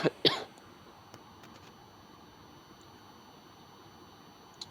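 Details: Gamer who apologizes for currently having a cough during a recorded game session gives two sharp cough bursts close together, followed by quiet room noise and faint game sounds.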